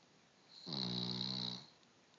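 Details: Cavalier King Charles spaniel snoring, recorded on an Android phone: one short, buzzing, nasal snore with a faint whistle from the sleeping dog.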